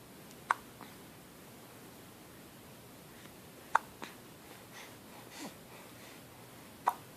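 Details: Hiccups: three brief, sharp hiccups a few seconds apart in a quiet room.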